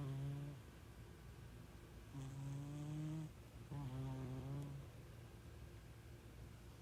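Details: Sleeping cat snoring: three low, buzzing, human-like snores, each about a second long, with quiet room noise between them.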